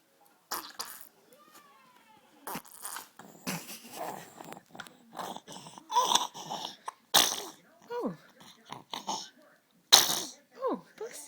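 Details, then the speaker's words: Female dog sneezing: a run of short, sharp nasal bursts, repeated sneezes, in a quiet room. "Good girl. Yeah. Those are good sneezes. Yes."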